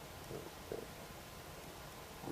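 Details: Borborygmi in an adult just after eating ribs: brief soft stomach gurgles, ordinary digestive bowel sounds, described as never ending.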